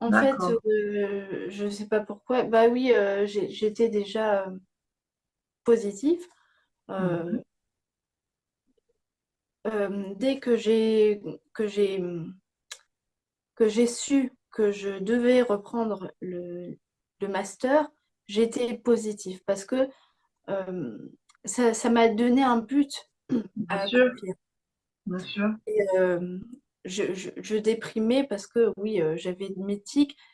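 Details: Young woman with aphasia after a stroke at age 22, with slowed word retrieval and grammar that had to be relearned; aphasia.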